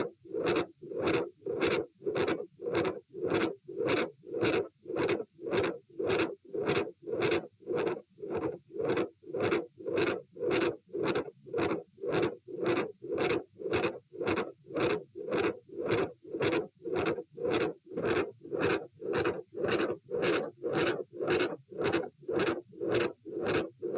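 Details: Stress-test auscultation at position A while sitting, standing/bobbing, then lying (84-114-90 bpm): rapid regular beats near 109/min with a large, loud ringing second heart sound and a continuous murmur.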